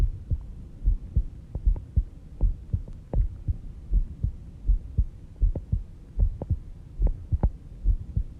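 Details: Recorded during sleep at 5:30 am, heart rate about 70 bpm: steady, soft low lub-dub thumps over a faint hum, an ordinary resting heartbeat.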